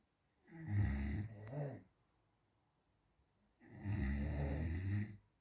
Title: Funny Snoring.